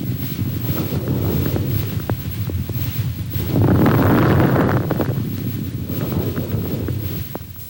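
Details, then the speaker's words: Fine crackles on lung auscultation in a nursing exam lesson: brief scattered clicks over soft breath sounds, late in the breath, unchanged by cough, varying with position, predominant at lung bases; occur in pneumonia and pulmonary congestion. "os estertores finos são claros no final da expiração não se alteram com a tosse modificam-se ou desaparecem dependendo da posição do paciente e predominam nas bases dos pulmões os estertores finos ocorrem nas pneumonias e congestões pulmonares"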